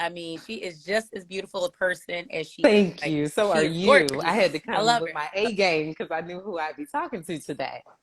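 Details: Adult woman speaking; normal voice.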